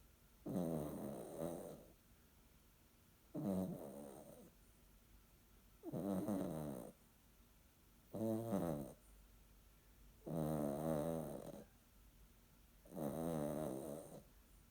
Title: Snoring Yorkie